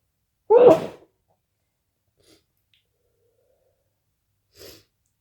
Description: My nose tickles so much today